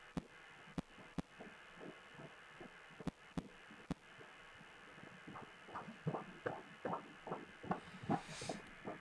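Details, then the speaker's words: Fetal heartbeat heard on Doppler during a fetal ultrasound scan: fast, regular whooshing galloping rhythm around 150 beats a minute, a normal fetal heartbeat. "Donc, c'est un bruit de galop là, que vous entendez comme ça. C'est rapide, c'est régulier."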